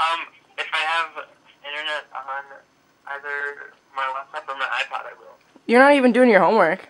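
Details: Young female speaker, with a second voice interjecting; Conversational speech.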